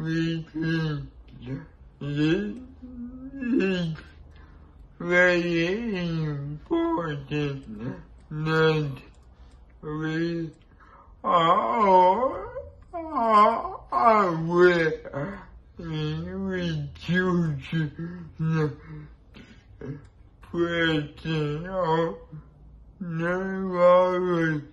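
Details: Man with cerebral palsy, a disability and compromised immunity; dysarthric speech in cerebral palsy.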